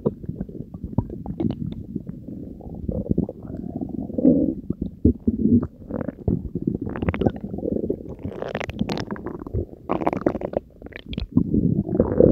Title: Stomach vs. Diet Coke and Mentos (Belly Gurgles ASMR)